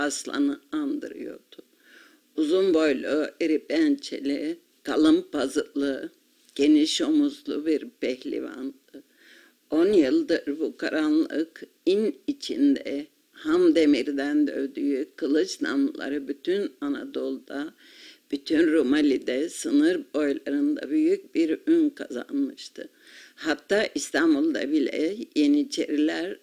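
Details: Reading aloud by a 62-year-old woman with spasmodic dysphonia, with 20 years of increasing hoarseness, treated with intermittent injections for 8 years.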